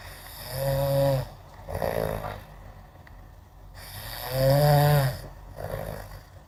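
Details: Gentle snoring, two slow breath cycles, each a buzzing droning snore on the in-breath and a softer breathy out-breath, about 16 breaths a minute: regular snoring.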